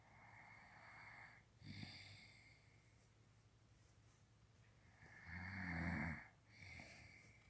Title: Snoring bear part 2